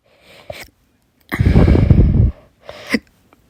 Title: 10/24/21, Minor Case of Fast Hiccups after Dinner